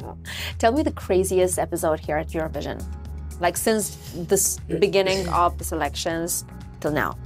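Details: Adult interviewer; normal speech.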